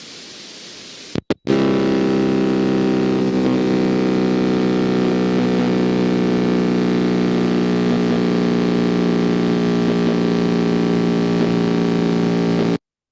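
A steady, machine-like buzzing drone that starts and stops abruptly, with an unchanging rhythm throughout: a complex repetitive discharge on needle EMG.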